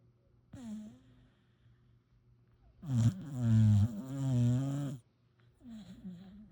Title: Adorable and Hilarious Sleeping, Snoring Puppy #pitador #funnydogs #doglife